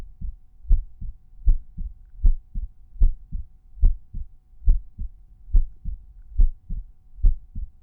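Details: Normal resting heart sounds recorded at one of the standard auscultation points: Erb's point, tricuspid, mitral, pulmonary or aortic.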